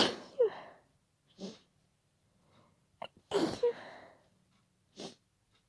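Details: Adult trying to stay quiet in a shared room at night: several muffled, stifled sneezes, each a short sharp burst, some with a quick breath in before, after increasing nose tickle; sneezing fit.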